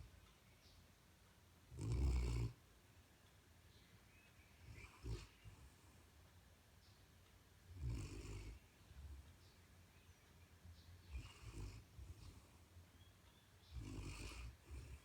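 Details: Known big snorer asleep on his bed: low rumbling snores about every three seconds, roughly ten a minute, uneven rhythm, in a quiet room.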